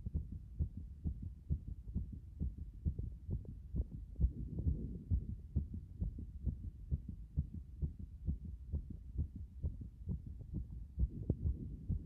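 A fast, regular, pounding heartbeat after a hot bath, a normal response to the heat.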